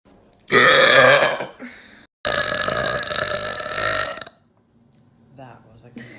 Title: New Youtube Short- Girl Burp - Burp Compilation - Part 2